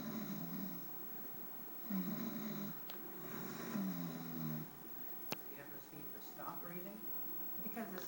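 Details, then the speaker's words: Loud habitual adult male snoring: deep, rumbling, low-pitched snores in repeated bursts; partner says it wakes her and she sometimes hears him stop breathing; allergy medications, different pillows and nasal strips have not helped. "It sounds like a deep rumble of grumbling."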